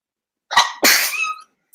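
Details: Woman sneezing, possibly getting sick: two sharp sneezes in quick succession.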